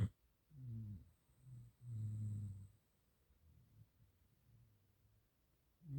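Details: Sleeping Gampr dog: soft, low, rumbling breaths in a quiet room, with a few gentle snores; snoring.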